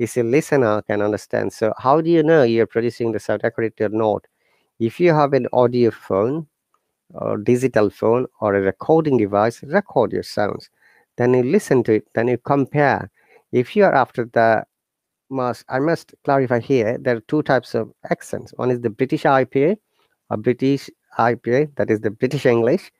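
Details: Adult male speaker; no disorder.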